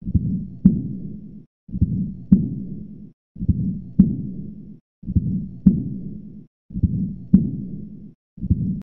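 Slow regular heartbeat, about 36 a minute here, with long blowing murmurs filling the cycle; aortic regurgitation murmur.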